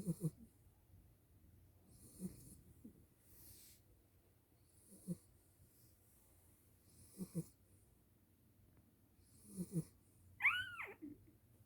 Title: Snoring new mom Dog🐕